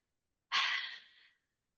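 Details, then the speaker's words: Demonstration within the Active Cycle of Breathing Technique for chronic lung conditions: a breath in, then a single long, low, slow, breathy huff with vocal cords open and abdomen pushing in, moving mucus centrally and upward; huff cough, forced expiration technique. "So at some point in this cycle, you could opt to do a low, slow huff. Okay? So this is where you take a breath in and then you huff it out. Vocal cords open. Low and slow."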